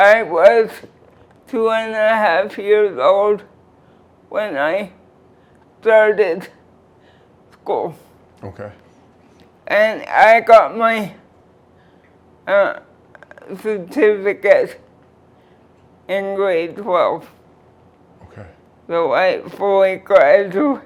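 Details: 46-year-old woman with cerebral palsy since birth (birth weight 2 lb 4 oz), limited motor control, wheelchair user; dysarthria.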